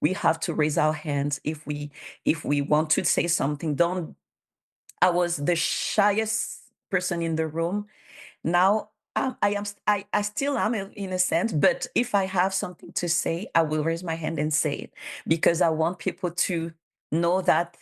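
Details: Real adult bilingual woman, a public servant in Canada, with stuttering she has self-declared as a disability, supported by speech therapist documentation; stuttering.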